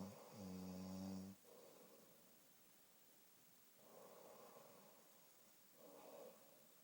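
A loud, low, rattling snore on one breath, followed by softer, quieter breaths in a quiet room.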